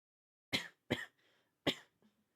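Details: Three sharp, dry coughs in quick succession during a live video-game stream, later referred to as a coughing fit; a brief coughing bout.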